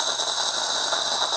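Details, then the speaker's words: Steady loud airy hiss of high-volume dental suction through an autoclavable suction mirror (four holes on the outside, four on the rim) on an adapter, capturing water from a distance and air-water spray, keeping the field clear and the mirror unfogged. "it is able to capture water from a large distance as well as the airol keeping the field nice and clear as well as keeping the mirror unfogged"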